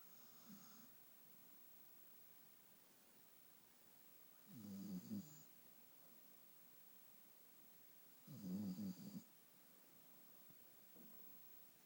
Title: snores